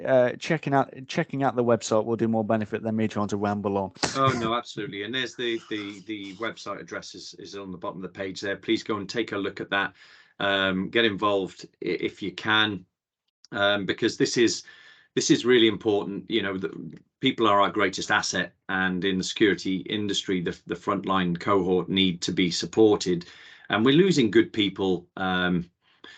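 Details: Adult male speaker; typical speech.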